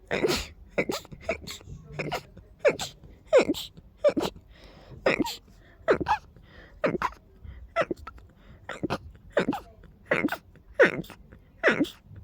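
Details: Person with a deep, harsh nasal tickle: a rapid run of sharp sneezes, roughly fifteen to twenty in twelve seconds, with barely a breath between them; repeated sneezing fit.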